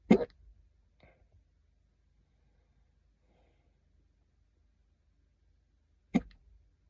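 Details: Person in a quiet car: two abrupt, brief 'hic' sounds about six seconds apart; hiccups.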